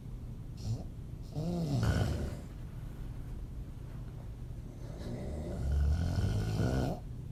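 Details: Adult female snoring with mouth open, audio only: low, fluttering, throaty snores on inspiration, about two breaths in seven seconds.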